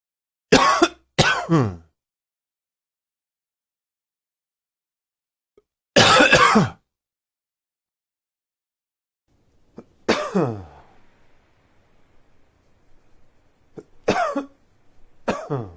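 Several harsh, loud cough bursts in short runs separated by quiet pauses, with a few softer coughs and throat clearing toward the end.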